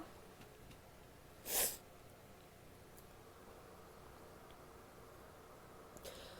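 A single brief, sharp, hissing sneeze against quiet room noise.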